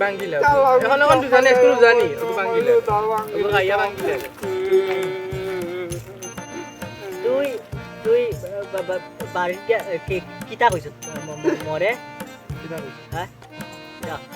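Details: Stutter acted for comedy by a performer playing a stuttering friend in a Bengali sketch; stuttering (acted).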